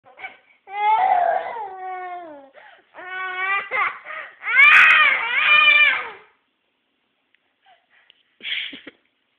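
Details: A girl cries in sobbing, wailing bursts with falling pitch, then quiets to brief whimpers in a small room; crying.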